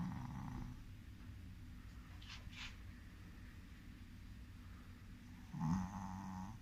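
Faint, low rumbling breathing with a brief snorting snore near the end, typical of a small flat-faced dog asleep.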